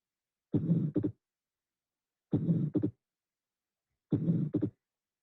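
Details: Atrial septal defect recorded at the pulmonic area: three heart cycles, each a rough systolic ejection murmur followed by a clearly doubled second sound, showing fixed splitting.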